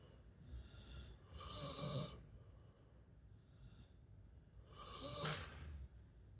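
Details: Loud, rough snoring breaths with a snorting quality on inhalation, about ten breaths a minute; snoring.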